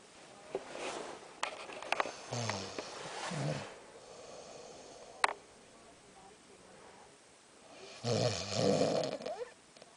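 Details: Pregnant woman asleep with irregular rattling snores on inhalation, quiet pauses between and some room noise; snoring.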